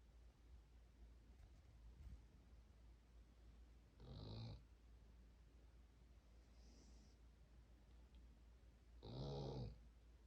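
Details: Soft, slow snorting snores about every five seconds over a steady low hum from a sleeping pet; owner wonders whether bronchial medicine is needed. Snoring.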